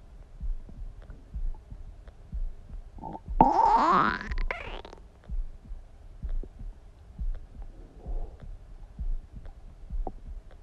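A rising, squeaky gurgle of about two seconds stands out against soft repeated thumps; a stomach rumble.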